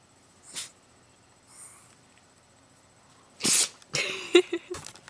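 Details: Dog lying on his tummy, a position that makes him sneeze, gives a sharp, explosive sneeze followed by a few short snorts and sniffs; sneeze.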